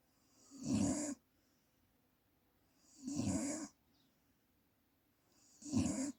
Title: Birthday snore